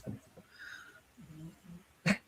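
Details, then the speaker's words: Soft, low rumbling snores from a sleeping female dog, with a brief louder snort near the end; she snores when lying on one particular side. "can hear Levy snoring. I was like, what is that noise? Oh, yeah. Sorry. I have Levy in here."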